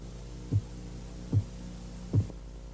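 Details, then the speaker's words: Korotkoff phase 1 during blood pressure measurement: faint, regular low tapping at about 75 a minute over a steady hum, the first two regular beats marking the accepted systolic reading. "el primer sonido que va a escuchar es un leve golpe teo que señala la fase korotkov 1 la fase 1 comienza con los dos primeros latidos regulares y es la medición sistólica aceptada"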